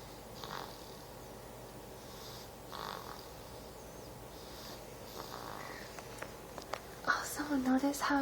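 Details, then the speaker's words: Young boy who fell asleep during lunch in the kitchen: faint, soft rhythmic snoring breaths about every two seconds in a quiet room, ending with louder handling and movement noise. "I fell asleep while I was having lunch in the kitchen and he's currently snoring so if you turn your volume up pretty loud I think you can hear it"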